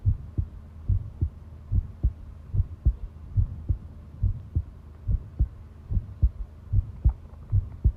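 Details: Long-duration heart sound recording of a person listening to their own pounding heartbeat: strong, regular low lub-dub at about 72 beats a minute over a faint hum; normal heart sounds.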